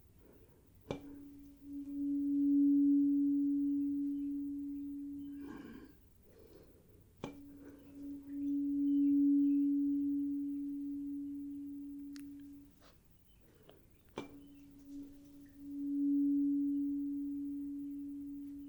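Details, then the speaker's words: Simulated ASMR medical-exam roleplay hearing test: tuning fork tones are played and the patient says whether each is heard on the left or right side; a high fork is used, then mid-range 256 Hz; no issues were found. "I am just going to have you tell me whether you hear one of the tuning Forks on the left side or the right side"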